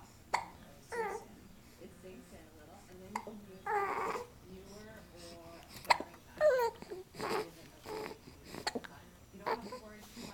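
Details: 2-month-old infant swinging, cooing and babbling broken by several short, abrupt hiccup sounds: ordinary infant hiccups.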